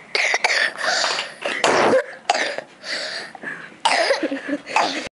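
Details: Child with asthma laughing and spinning in a chair: short, harsh coughs break up bursts of laughter.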